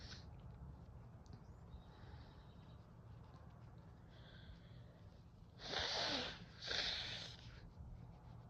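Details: Snuff (chhinkni) used to relieve cold-induced nasal congestion: after quiet sniffs, two hissing sneeze bursts in close succession; sneezing.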